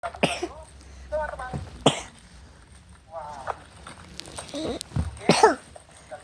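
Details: A few short, wet coughs from a young child with a cold (cough and runny nose), with faint background noise: a cough.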